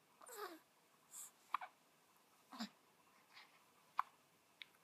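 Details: Hiccups in a 7-day-old newborn girl, which stopped after her back was rubbed: small, abrupt catches in the breath about every second, with soft infant noises between, in a quiet room.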